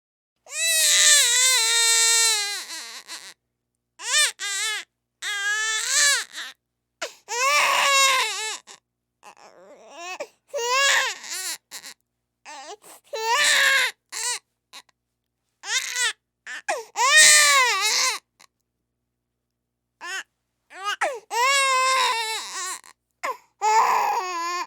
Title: Baby Crying - Infant Cry #1 - Sound Effect - #backgroundsoundeffects